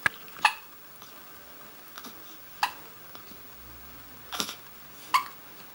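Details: Hiccups.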